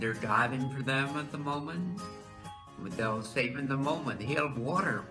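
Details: Patient with Wernicke's (fluent) aphasia from damage to Wernicke's area, producing fluent but meaningless speech with incorrect words, usually unaware of errors; Wernicke's aphasia (fluent aphasia).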